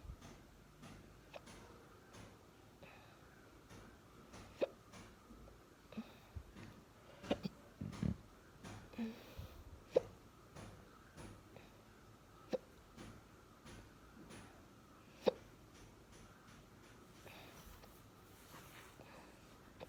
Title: Hiccups after breakfast